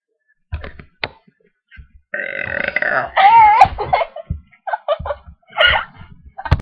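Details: Young woman at 1 a.m. belching: several loud, drawn-out burps with brief vocal sounds between them in a small room.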